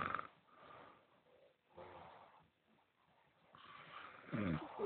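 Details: Rough, rattling snoring breaths in and out with a snorting edge, from a sleeping man who claims he doesn't snore, recorded on a low-quality phone device.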